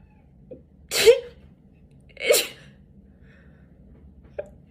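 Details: A girl sneezes twice about a second apart, each a sharp burst of air, then gives a small sniff; tagged allergies/sinuses; sneezing.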